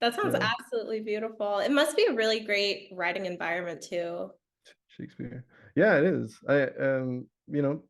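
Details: Adult speakers in conversation; normal speech.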